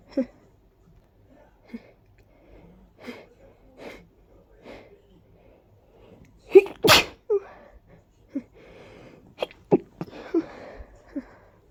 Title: Just a few tickling sneezes 🤧